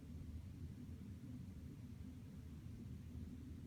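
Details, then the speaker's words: Abdominal auscultation with the stethoscope bell over the aortic and iliac arteries: a steady low rumble with no pulsing whoosh; no abdominal bruit. "again no breweries or abnormal sound sound sort of like a whooshing sound"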